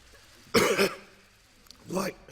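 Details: Australia's treasurer, an adult man, speaking in parliament, gives a harsh double cough, then after a pause a throat-clearing cough; coughing fit. He later awaited a coronavirus test.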